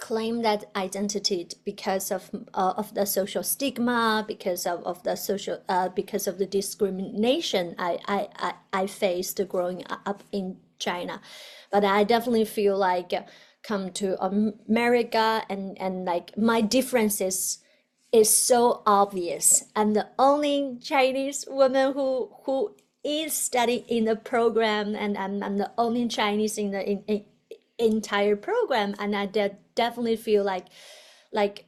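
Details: Adult woman, a person who stutters, doctoral student in communication sciences and disorders (stuttering)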